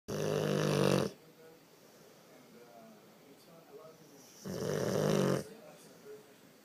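Two loud, rumbling snores about four seconds apart, with quiet breathing between them. Heavy snoring in a sleeping dog.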